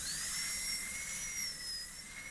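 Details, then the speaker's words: High-speed dental handpiece with a 330 bur cutting straight in from the facial side of a maxillary molar DO Class II amalgam prep in a live teaching demo: a steady, piercing whine with slight pitch wavers. "okay now I know I'm going to get facial clearance so I can cut straight in from there and that's pretty close to 0"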